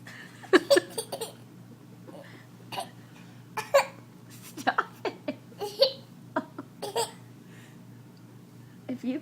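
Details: Repeated short, abrupt hiccups mixed with giggling and laughter in a quiet room; ordinary hiccups.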